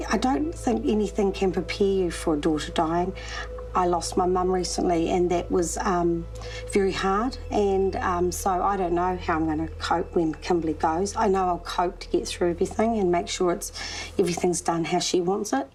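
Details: Adult woman speaking; normal speech.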